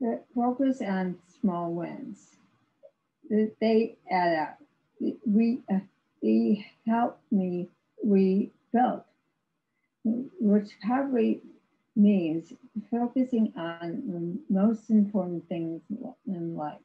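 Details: Woman with severe aphasia after a severe stroke in 2010; no speech for three years, with ongoing speech challenges, recorded in 2021, about 11 years post-stroke; aphasia after stroke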